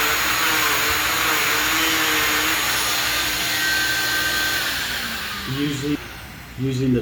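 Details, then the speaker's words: Loud, steady high-pitched whine of an oscillating cast saw bivalving a fiberglass short leg non-weight-bearing cast by the in-and-out method to allow for postoperative swelling, with brief talking over it. "you use the In-N-Out method most surgeons or surgical teexs or orthotex uh will will B valve the cast laterally immediately"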